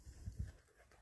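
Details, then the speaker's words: Pet dog snoring in the background during a crafting session: snoring. "so if you hear that snoring in the background that is my dog he's so precious"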